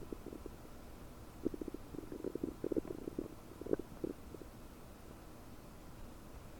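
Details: Bubbly, bloated stomach noises about 9 hours after eating 30 prunes, recorded with a desktop microphone: clusters of bubbly gurgling, loud active bowel sounds (borborygmi).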